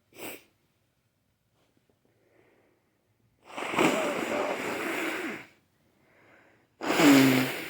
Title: Snotty sneezes